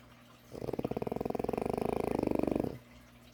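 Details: French bulldog puppy napping, one loud, sustained snore of about two seconds with rapid fluttering vibrations on inhalation; snoring.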